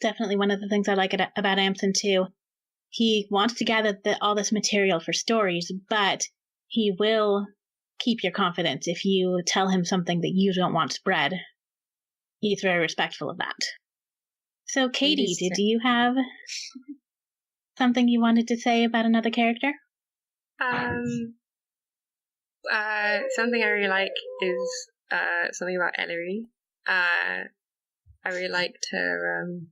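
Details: Speech of a person who says they stutter and that it is sometimes audible in the recording; stuttering.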